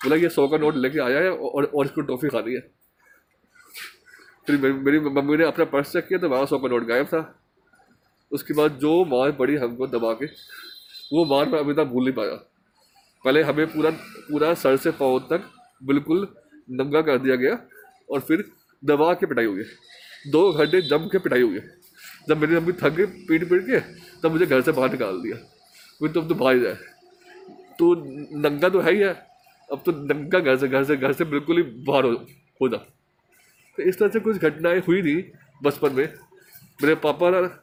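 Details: Stuttering in a Hindi-speaking man from Delhi who stammers, a member of an Indian stammering association, recording an emotional-recovery course task.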